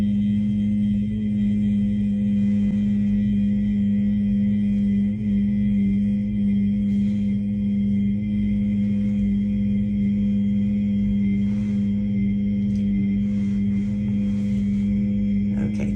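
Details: Normal egophony test during a thorax and pulmonary exam, stethoscope placed on bare skin at the percussion locations, comparing both sides.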